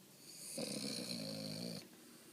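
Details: Boston Terrier snoring while napping deeply after a morning of waking up: a single drawn-out, buzzing, whistly inhaled snore of about a second from the sleeping dog in a quiet room.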